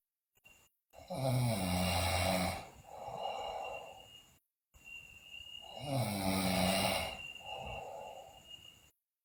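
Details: Sleeping girl snoring loudly: droning snores on each in-breath followed by a breathy out-breath, about 13 breaths a minute.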